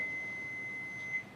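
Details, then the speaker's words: Training AED switched on during CPR and AED certification training: one steady high-pitched power-on beep over quiet room sound. "And then you connect. Okay. For example, this one. Okay. Switch it on."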